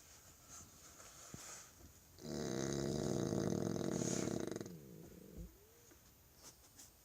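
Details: French Bulldog asleep after supper: one long, loud, rattling snore of about two and a half seconds with soft breathing before and after; snoring.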